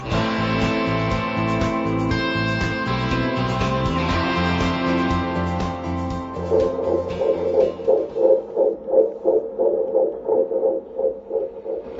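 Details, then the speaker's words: Unborn baby's heartbeat in a pro-life announcement about unplanned pregnancy: music, then a rapid whooshing pulse at about 140 a minute. "The beautiful sound of an unborn baby's heartbeat can bring fear into the heart of a woman facing a pregnancy she was not prepared for."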